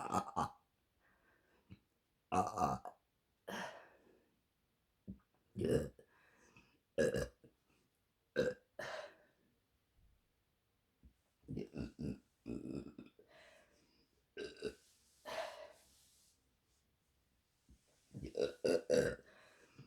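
Repeated loud, low, rumbling burps, more than a dozen, separated by quiet pauses in a quiet room.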